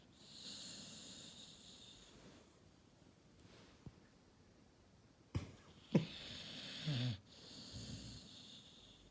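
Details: Sleeping Cane Corso puppy snoring: soft, wheezy snoring breaths with a couple of snorts in a quiet room, before waking to one word.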